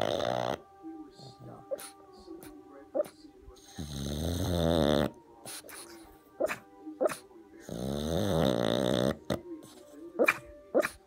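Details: Pug (male) snoring in his sleep: two long, loud, rattling snores with snuffly breaths between, typical flat-faced dog sleep breathing; music in background; snoring.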